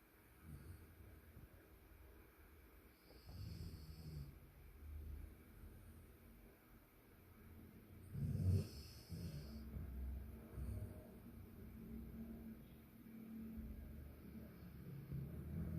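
Low rumbling breathing noises with a louder snorting burst midway, against steady room noise; snoring.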